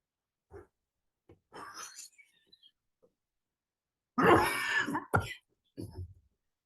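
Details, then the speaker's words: An adult gives a run of about six harsh coughs, some faint, some loud; the speaker's own persistent all-day chronic cough, worse lying down, with breathlessness, despite inhalers and medication, CT showing no cancer; chronic cough. "제 기침 소리거든요. 그래서 세계에서 이제 제일 심각한 병이죠."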